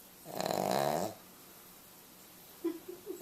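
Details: Sleeping Cavalier puppy snoring: one honking, nasal snore, then a few softer snorty breaths.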